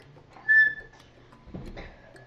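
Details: Vocal tic in a child with Tourette syndrome, possibly demonstrating a tic that became higher-pitched and bothered classmates.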